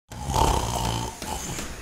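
A single loud, rough inhaled snore from an adult, with a brief break in the middle.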